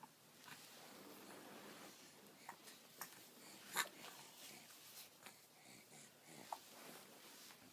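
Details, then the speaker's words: Hiccups in a 14-week-old baby boy standing and moving about, hiccups bothering him. "usually you just stand there but these hiccups are making you nuts oh oh Boom hicups"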